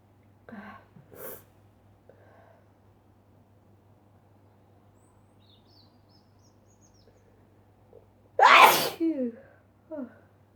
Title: Sneezing Induced by Dust Again